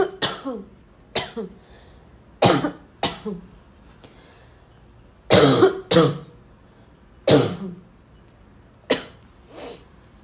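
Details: Dry barking cough, repeated: harsh, dry coughs in single and paired bursts, about nine in ten seconds, with throat clearing and snorts between; barking cough.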